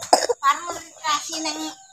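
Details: Young child sick with a cough, carried in arms on a morning village walk and refusing to be put down: one short, sharp cough followed by brief fussy vocal sounds; cough.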